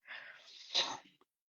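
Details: Adult woman with a bad cough and cold: a single explosive sneeze after a brief hissing intake, in a quiet room. Sneeze.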